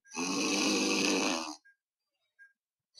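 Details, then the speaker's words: 32-year-old man, BMI 27.5, AHI 52.5, during drug-induced sleep endoscopy with pure soft-palate funnel collapse. One loud rattling snore about 1.5 seconds long, then silence as breathing stops: obstructive sleep apnea. "This is called obstructive sleep apnea. For those who are seeing it for the first time, person stops breathing in between when he's snoring."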